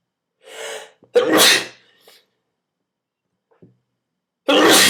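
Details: Adult sneezing deliberately triggered with a twist tie: a sharp indrawn breath and a forceful sneeze, then a second sneeze after a pause.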